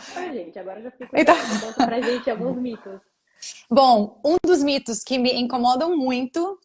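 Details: Adult woman speaking Portuguese, possibly two speakers; no speech disorder.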